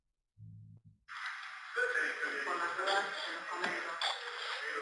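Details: Newborn with a pure laryngeal web, vocal cords stuck together, causing dysphonia or aphonia from birth; very low-volume weak cry (laryngeal web).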